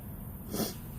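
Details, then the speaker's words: Person who usually sneezes in threes, in a long run of repeated sneezes: a single sharp, explosive burst of air against low room noise, an ordinary sneeze. "I usually sneeze in threes so that could be one more I'm just warning"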